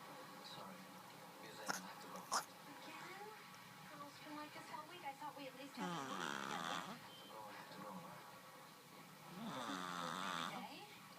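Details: Two long, rattling, buzzy inhalation snores about four seconds apart from a sleeping cat, with faint room noise between them: cat snoring.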